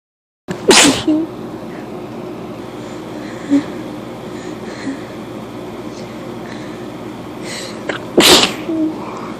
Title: Sneezing for a sec